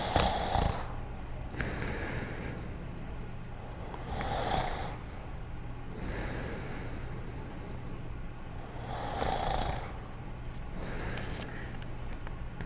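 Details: Cartoon sound effect, not a real recording: Dogtanian snoring quietly in the 1986-1989 animated series, soft rhythmic snoring with each snore a slow rasping breath.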